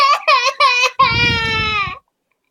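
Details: Infant girl of about nine months: three short whiny wails, then one longer steady wail; a clear-voiced fake cry without distress.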